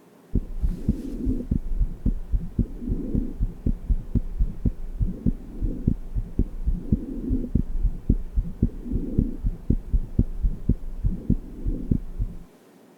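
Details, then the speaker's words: Innocent (functional) murmur heard with the stethoscope diaphragm at the lower left sternal border: regular heart sounds with a faint, soft vibratory murmur that is louder supine and becomes much softer once the patient stands. "Now, standing the patient up should convince you that the murmur gets much softer when the patient is"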